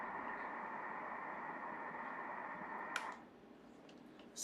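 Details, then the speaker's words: Doppler over the heart region of a 9-week missed-abortion pregnancy, embryo stopped developing at 7 weeks: steady hiss with no rhythmic pulsing, no fetal heartbeat, embryonic demise. "Ici, allumer le Doppler dans la région du cœur du bébé ! Ici. [Bruits] Rien ! [Bruits] Il n'y a pas de battement de coeur !"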